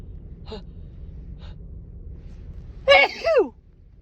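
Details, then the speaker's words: Woman with a cold, no cough or sore throat, not allergy-related: two soft quick inward breaths, then a loud, wet, strong sneeze with a falling voiced tail; sneeze. "They're just really wet and really strong, but they feel so good."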